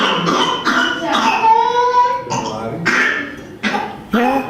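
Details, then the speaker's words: Coughing bursts followed by a drawn-out high-pitched inspiratory whoop, described as a whooping-like cough after medicine; mimics whooping cough but is not true pertussis. "that is inspiratory woof inspir inspiratory woof woof that is woof that is coughing and woofing"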